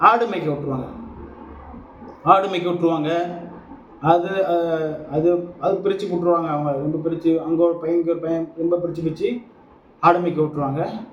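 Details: Adult Tamil-speaking man who identifies as a person who stammers, recorded as speaking practice for a stammering support group; stuttering.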